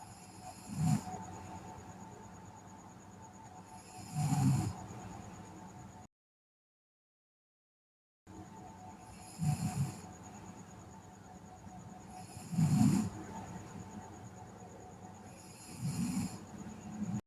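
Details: Sleeping girl snoring: low, rumbling snores every few seconds over steady background hum, with a brief silent gap.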